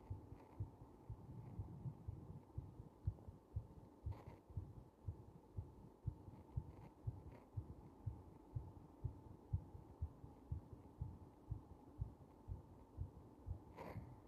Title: 圧迫中のややゆっくりめな心臓の動画